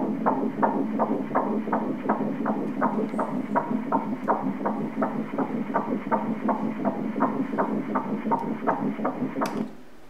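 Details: 9-week pregnancy, fetal heartbeat on ultrasound: rapid, regular whooshing pulses at about 165 beats a minute over a steady hum, a normal early fetal heartbeat on Doppler.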